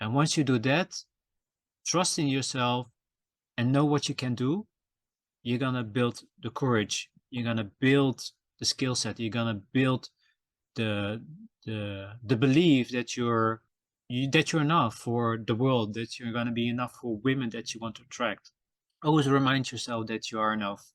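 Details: Adult male podcast host who says he stutters and that it can be heard in his episodes; word repetitions in this stretch; stuttering.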